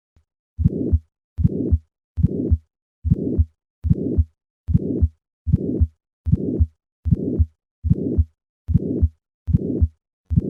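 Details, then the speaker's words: Bicuspid aortic valve (congenital, typically right-left cusp fusion, considered stage A aortic stenosis): after three normal beats, an ejection click is added and then a rough whooshing systolic murmur; regular rhythm about 76 per minute. "Listen once again to the sound of a bicuspid aortic valve. I will start with 3 normal beats, and then add the ejection click, and finally the murmur."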